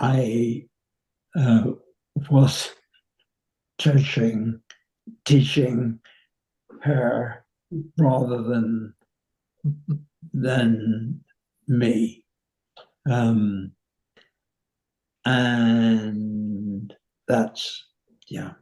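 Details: 85-year-old man with nonfluent variant primary progressive aphasia; slow, effortful speech; nonfluent variant primary progressive aphasia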